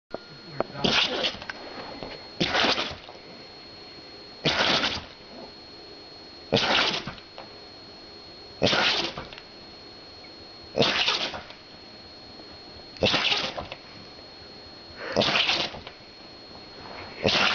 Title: sneezing dog